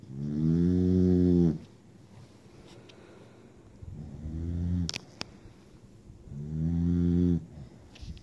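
Three long, low, buzzing snores on the in-breath, each about 1.5 seconds, with quiet breathing between them and a couple of faint clicks. Snoring.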